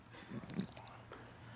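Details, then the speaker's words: Adult's stomach growling (borborygmi) while speaking: brief low gurgling rumbles with a few soft squelchy clicks over a steady room hum. "Tip number 4, if you can't control, sorry, my stomach's going crazy."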